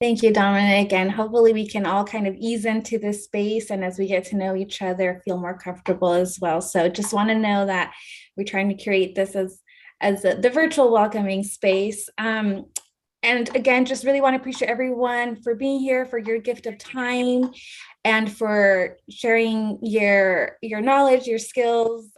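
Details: Adult woman speaking; normal speech.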